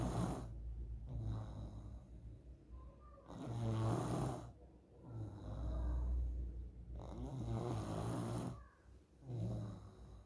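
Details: Child snoring in sleep, loud rattling snores on breathing in, about four over ten seconds; presented as a possible symptom of nasal polyps.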